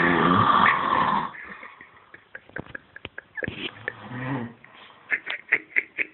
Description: My friend passed out after a wedding, tried to wake him up but nothing. Funny snoring sounds when I did.